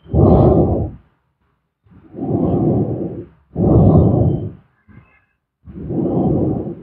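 Soft, rushing, low snores with pauses between, recorded close up in a quiet room. Snoring.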